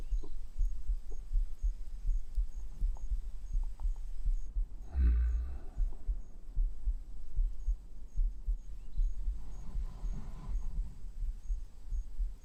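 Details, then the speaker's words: Heartbeat: soft, low, muffled thumps at about 78 a minute under faint hum, with a brief rustle midway; normal heart sounds. "I'm just thinking about maybe I should record my own heartbeat for that video game that I've been procrastinating on making, so whenever there is like a scary moment and the heartbeat sound effect plays, you'll hear my heartbeat, but like average players wouldn't know."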